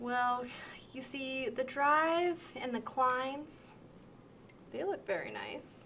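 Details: Severe transcortical sensory aphasia, demonstrated: fluent but meaningless reply to a simple spoken direction, showing trouble following directions.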